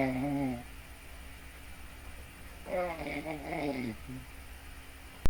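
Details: Snoring: two loud, rough, vibrating breath sounds separated by a quiet pause, over a steady low room hum.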